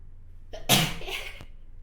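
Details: Person with rhinitis and house-dust allergy: a short intake of breath, then one sharp, explosive sneeze with a trailing voiced release.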